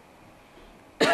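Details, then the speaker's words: A second of quiet room noise, then one abrupt, forceful voluntary cough cut off at the end. It was recorded on request for a trial in Kenya of an AI phone app that screens coughs for tuberculosis. "what it does is it tries to analyze the coughs we call them cough spectrograms and then it regresses them so it's a mathematical way of modeling the cough image"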